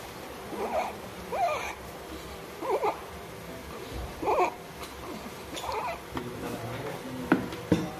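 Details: Newborn with laryngomalacia or tracheal tug; inspiratory stridor heard as repeated brief, squeaky, high-pitched noises on each breath in.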